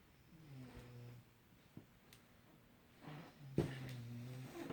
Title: Who is that snoring?